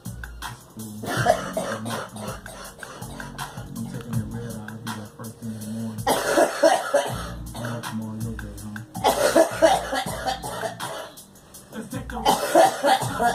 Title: Girl coughing